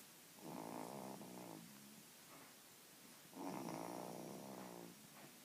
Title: Snore baby